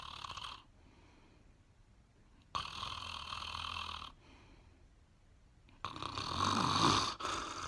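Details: Roommate snoring during quarantine, in a comedy clip: harsh, loud snoring breaths about every three seconds with quiet pauses between them.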